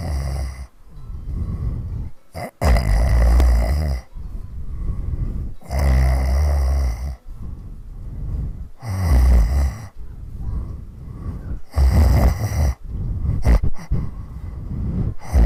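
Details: Loud, rough, low rattling snores with short pauses between breaths, about 20 a minute, recorded in 2015; heavy snoring.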